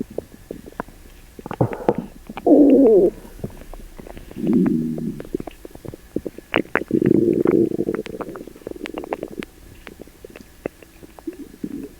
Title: Sugar free gummies attack! (Loud upset stomach noises)